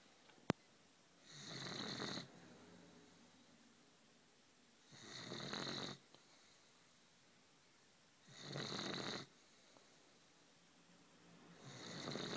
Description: This is our neapolitan mastiff puppy, he is 11 weeks and snores like this all the time!